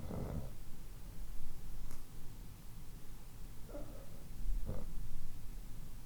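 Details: Sound-effect recording of different types of snoring: steady low, fluttering rumble with a few louder snorting bursts.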